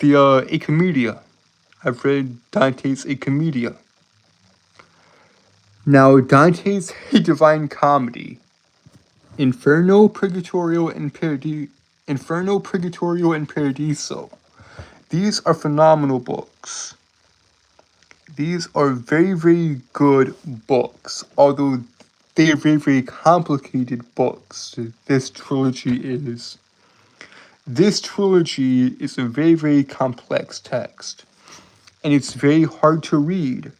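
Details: Male streamer with a self-described speech impediment that makes him stutter and trip over his words; stuttering.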